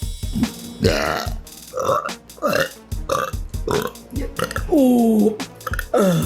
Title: Girl Burps